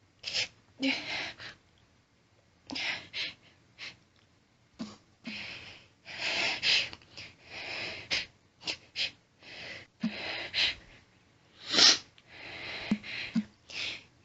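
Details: Female stifling her sneezes, which sets off an intense rapid fit of many hissing stifled sneezes with heavy hitching, catching breaths and barely any pause for air.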